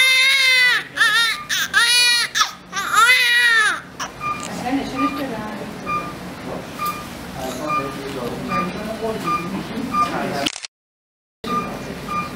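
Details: Newborn baby girl one minute after birth: strong, high-pitched rhythmic first cry, normal newborn cry, with room noise behind.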